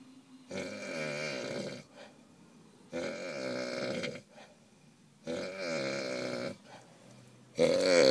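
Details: Loud, long, rough snoring about every two and a half seconds with quiet gaps between, from a man said to be drunk; snoring.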